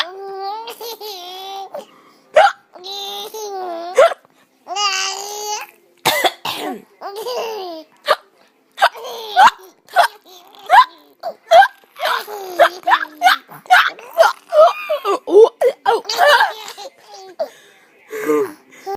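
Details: Adult's repeated sharp, brief hiccups at an irregular pace, mixed with a baby's high-pitched laughter at the hiccups.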